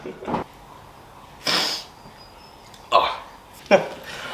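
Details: Acted comedy-skit sneezes, played as someone allergic to their own sneezes: a few short, sharp bursts of air through nose and mouth, spaced apart in a quiet room.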